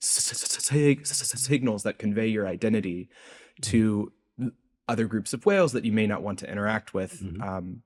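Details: Adult man's real, self-reported speech impediment, present throughout the interview; this clip has word repetitions; stuttering (disfluent speech).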